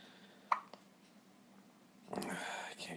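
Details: A father and his young child both have hiccups at 4 a.m., the father's lasting since the previous night, possibly from eating sausages. One sudden, sharp hiccup with a smaller click after it, then faint talking.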